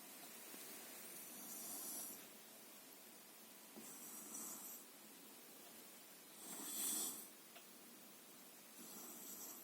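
Soft hissing, whistling breaths about 24 a minute during sleep; light snoring.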